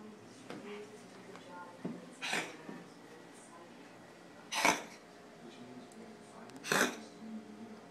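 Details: Pet Oreo coughing, second episode, cause unknown to owner: three short, sharp, harsh bursts a couple of seconds apart over quiet room noise.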